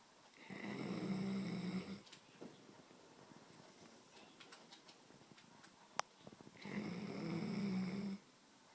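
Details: Dog snoring too much, two loud deep rattling inhaled snores about six seconds apart with quiet breathing between; heavy snoring.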